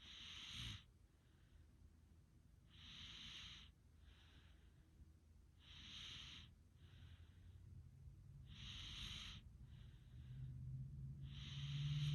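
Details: Snoring: rhythmic noisy breaths with hissing bursts roughly every 3 seconds, about 20 a minute, over low room rumble.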